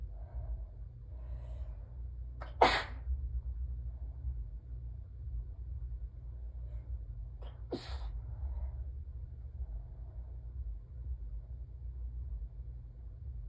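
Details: Two sharp, slightly strangled allergic sneezes with catching breaths before them over a steady low hum; sneezer has a peppermint in the mouth, so sneezes may sound strangled.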